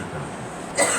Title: Girl coughing